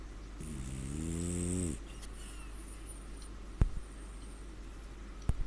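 One loud, low, vibrating snore on an in-breath, then quiet breathing with a couple of faint clicks.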